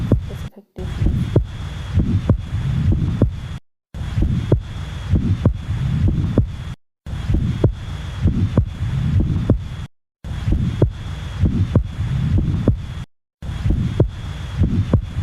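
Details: Regular heartbeats through a stethoscope, with a short blowing sound just after the first heart sound that fades early in systole: an early systolic murmur.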